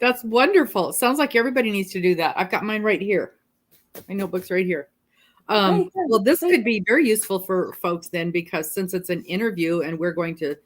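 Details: Adult woman speaking; Normal speech.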